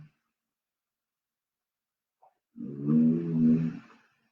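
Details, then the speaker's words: Loud snoring from an old cat sleeping beside a heater, heard in the background while a person talks. "I've got a cat here I've got the heater on next to me and and the cat is on the other side of the heater and she's an old cat and she snores very loud so if you hear that snoring noise that's my cat"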